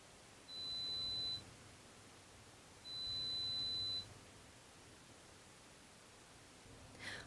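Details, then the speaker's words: Two steady high-pitched beeps of about a second each over faint hiss: pure-tone air-conduction audiometry test tones from an adult client's threshold testing via earphones, raised in 5 dB ascending steps until responses. "at this point the intensity level is increased in five decibel increments until a response is obtained this is repeated until the client has responded to two out of three ascending presentations"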